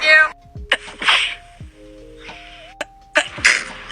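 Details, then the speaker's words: Monthly sneezing compilation for January 2023: several short, hissing bursts of breath, a series of sneezes, with a faint steady tone in the background. "All right, so it's the first of the month meaning it's my favorite time of the month and here is my January sneezing compilation of 2023."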